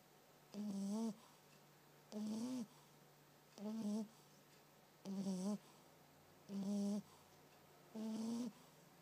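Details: French bulldog during a quiet nap, six regular buzzing, faintly whistling snores, about 41 a minute; snoring in sleep.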